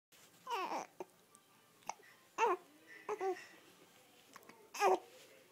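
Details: 4-week-old infant with hiccups: brief voiced catches every second or two, with soft babbling between them in a quiet room.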